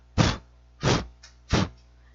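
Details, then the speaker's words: Korotkoff sounds phase 2 during blood pressure measurement: three soft, swishing beats in two seconds, the sound losing intensity after the dull phase 1 sound and heard like a blowing murmur. "en la fase 2 El ruido va a perder intensidad y se va a escuchar como un soplo"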